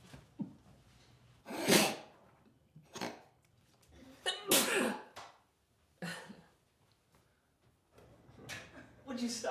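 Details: Repeated loud explosive sneezes with brief breaths and faint talk between them in a small room, as a person tries hard to hold in sneezes.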